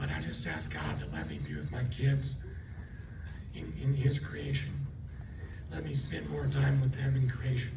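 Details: Adult stroke survivor with left vocal cord paralysis from the stroke, running on one vocal cord; the cords do not seal, so breaths are needed while talking; also lost swallowing function and was on a liquid diet for two months; unilateral vocal cord paralysis dysphonia.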